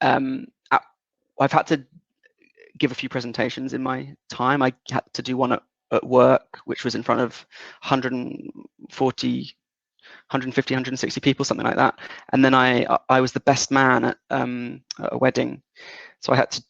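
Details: 37-year-old man with lifelong developmental stuttering since about age three; stuttering.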